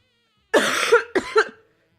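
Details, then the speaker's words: Two harsh, voiced coughs in quick succession from an adult still ill for over a week, a cough with a cold; talking too much brings on a coughing fit. "But if I talk too much, I'm going to have a coughing fit."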